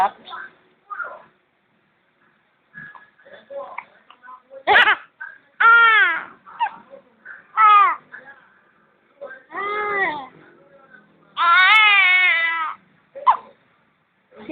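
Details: Baby with hiccups: short bursts of infant crying and fussing between quiet gaps; infant cry.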